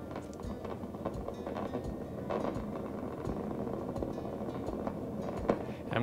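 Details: Needle EMG with the patient lying down, pushing the thumb progressively harder against the examiner's finger: dense crackling static builds with effort, showing normal motor unit recruitment.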